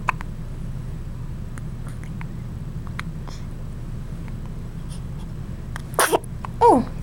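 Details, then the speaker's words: Two young children who both have hiccups, a mother's voice noting they did this in her belly: brief sharp hiccup catches in a quiet room, then two louder bursts, one a small squeaky vocal sound. "you both have the hiccups you're so silly you silly gooses you both have the hiccups"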